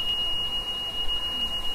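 A steady, continuous high-pitched tone sounds from a ventilator as it powers on, its expected start-up alarm.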